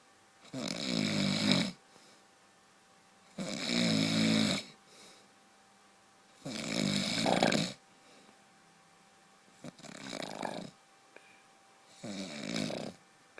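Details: Husband's heavy snoring during sleep, described as like a truck: five loud, harsh, rattling snores at about 22 breaths a minute, each lasting about a second, in a quiet room.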